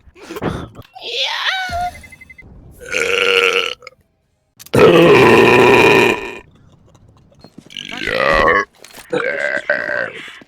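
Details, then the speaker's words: Several long, loud, voiced belches in a row with brief pauses, while playing CS2; speaker apologizes for letting one out. Ordinary burping. "yeah sorry about that I had to let that one out"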